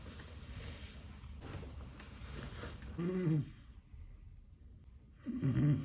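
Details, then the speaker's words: Person snoring at night, who denies snoring: low, rough rattling noises on breathing in, two within a few seconds, over room noise; ordinary snoring. "каждую ночь ты так каждую ночь храпишь я не храплю"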